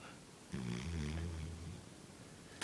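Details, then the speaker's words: One low, rumbling, throaty snore lasting about a second in a quiet room; the sleeper is then woken ("I was just sleeping. Go back to sleep."); snoring. "What are you doing? Dang. I was just sleeping. Go back to sleep."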